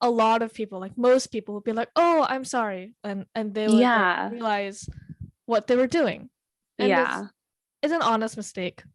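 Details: Teenager who stutters: stuttering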